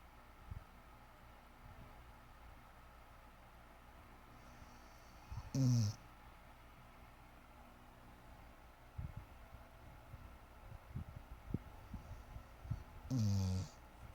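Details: Two loud, brief rumbling snores about eight seconds apart over quiet room noise from a sleeping Husky: dog snoring.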